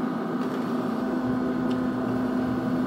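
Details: AirSep VisionAire 5 stationary oxygen concentrator running normally after start-up: steady low motor hum with a faint airy rush.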